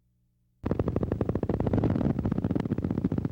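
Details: Needle EMG of high-amplitude, long-duration motor unit potentials, the hallmark of chronic denervation with reinnervation, becoming obvious several months after nerve injury.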